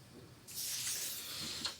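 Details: GP measuring blood pressure manually with an old-fashioned cuff because the modern device malfunctioned: steady airy hiss of cuff air release in a quiet room; patient has fine chest crackles, is breathless, and blood pressure is slightly raised.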